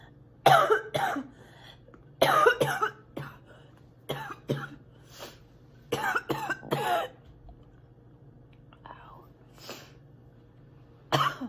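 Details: A sick girl coughing a lot and spitting: frequent harsh coughs in clusters, some wet-sounding, over a steady room hum.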